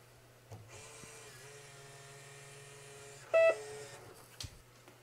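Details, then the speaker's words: B. Braun Infusomat Space IV infusion pump powering on during EMS training, prompting the user to open the door and insert the tubing: steady electronic hum with soft tones, then a short sharp beep, a normal setup alert. "when you turn the pump on it's going to power on go through the setup process it's going to ask you to open the door to insert your Pump tubing"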